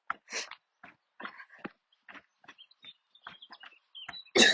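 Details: Adult coughing fit while walking outdoors near the end of a walk, with lungs acting up: a run of quick, short, dry coughs and hacks in close succession, ending in a louder burst.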